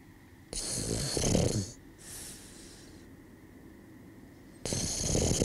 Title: School Snoring/Škola hrkanja